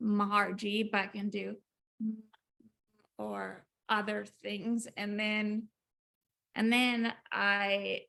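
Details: Woman about 4 years after a 2019 ruptured brain aneurysm with intracranial and subarachnoid hemorrhages that initially left her unable to speak, followed by 5 brain surgeries in 7 weeks; aphasia with apraxia of speech.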